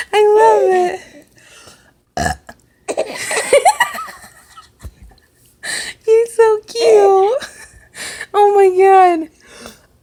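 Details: Several loud, voiced burps, each followed by delighted laughter from a 3-month-old baby laughing for the first time, with adult chatter. Ordinary belching.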